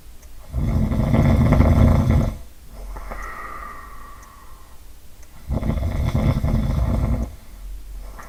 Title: Typical snoring profile - timing analysis and audio examples